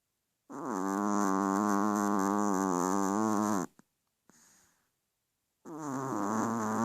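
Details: A pet snoring in sleep: a long, steady, buzzing snore lasting about three seconds, a pause with a faint breath, then another snore beginning.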